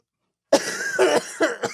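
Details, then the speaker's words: Adult man getting over a sickness gives a quick run of four harsh, rattly coughs with a faint whistly edge between bursts, saying he sounds like a wheezing ghost: cough during illness. "that doesn't sound good we have to give you like an oxygen tank I sound like a [ __ ] wheezing ghost"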